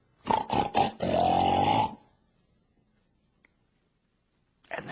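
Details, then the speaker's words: Simulated sleep apnea, imitated by a person: loud, rough snoring snorts followed by silent breathing pauses, mimicking obstructive sleep apnea with repetitive pauses in breathing. "what is sleep apnea it's heavy snoring with repetitive pauses in breathing I'm going to emulate it but I can't possibly put out the volume that wakes an entire household up when a person has sleep apnea sounds like this"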